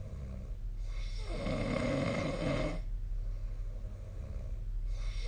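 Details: Sleep recording made with the SnoreLab snore app: one loud, low, rough snore on an in-breath over steady room hum; snoring.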